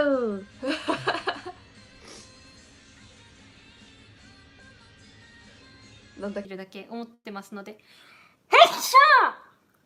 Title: Cute Japaneze girls sneezing くしゃみ54